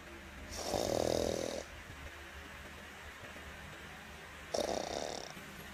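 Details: Two rough, rattling inspiratory snores a few seconds apart over quiet room noise from a sleeping, dreaming Chihuahua; snoring during sleep.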